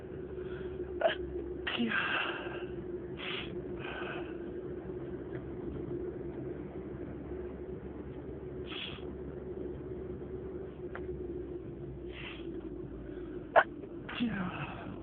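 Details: Stifled sneezing fit: a run of short, muffled sneezes, each held back into a brief burst, over steady room hum.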